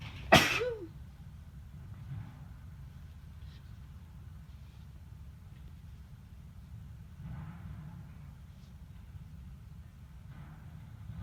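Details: A single sudden, forceful adult sneeze in the morning, followed by low steady room noise with faint rustles; sneeze.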